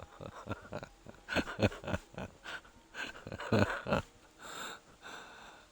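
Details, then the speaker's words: Ill adult man who says he hasn't felt this bad in a long time and jokes about a death rattle: irregular, noisy breaths with a rattly, faintly wheezy edge. "the voice sounds very deep that's probably because I'm dying that you probably hear a death rattle"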